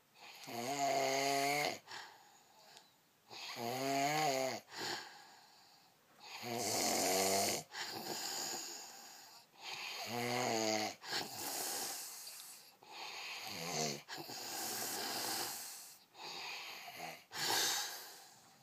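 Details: A person snores with repeated rough, rattling snores alternating with breathy exhalations, about 19 breaths a minute.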